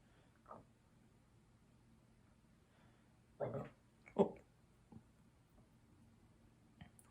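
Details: Adult, gassy for 21 years with retrograde cricopharyngeal dysfunction (no-burp), burping for the first time in their life after Botox injection into the upper esophageal sphincter.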